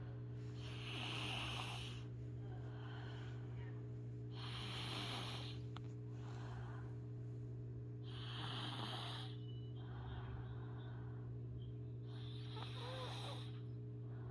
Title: snoring